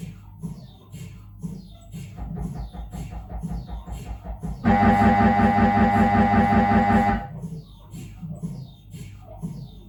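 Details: Rhythmic knocking and loud buzzing pulse sequences of a Siemens Magnetom Avanto 1.5T MRI scanner during a normal head examination.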